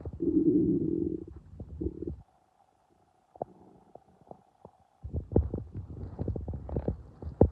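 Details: Hungry, empty stomach: low growling and bubbly gurgles with quiet pauses between bursts, ordinary stomach rumbling (borborygmi).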